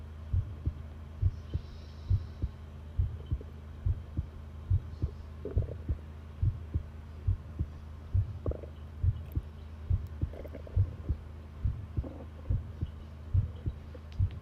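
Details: Long heartbeat recording: normal heart sounds, a regular, low thumping heartbeat at about 70 beats a minute over a steady hum.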